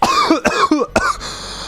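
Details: Man playing a video game has a brief coughing fit right after scoring: four rapid, harsh, voiced coughs in quick succession, then quiet room noise.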